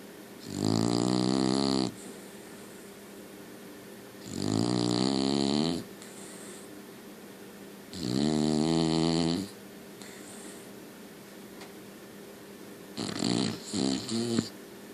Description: My special puppy snores like a drunk old man